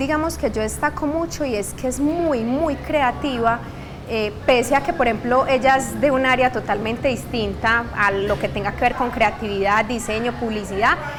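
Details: Adult woman speaking Spanish; typical speech.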